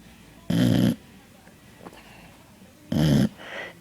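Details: Boxer dog snoring while asleep: two loud, harsh, rattling snores about two and a half seconds apart.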